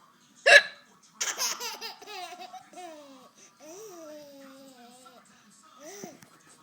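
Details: Mother's hiccups: one abrupt, sharp hiccup followed by bursts of a child's laughter and giggling voices; hiccups.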